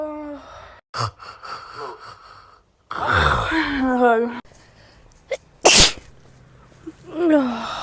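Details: A single sharp, explosive sneeze burst among voices and laughter, from a very messy sneezing and burping episode; a plain sneeze.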